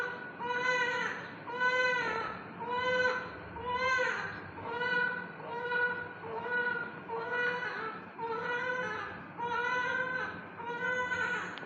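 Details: Newborn in NICU crying: rhythmic cry, about one a second, each a short rising and falling wail with quick breaths between; steady room hum behind.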